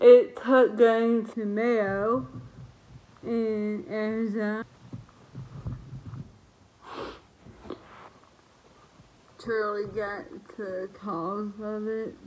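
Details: Dysarthria in a woman who lost the ability to speak properly about a year and a half earlier due to an autoimmune reaction to a virus.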